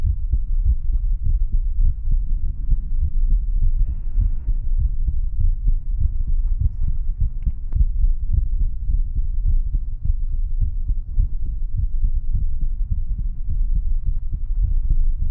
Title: VTuber ASMR ❤️ 30 Min Heartbeats Sounds